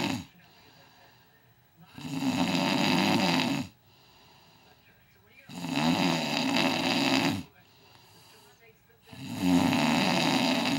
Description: This is me snoring before my CPAP.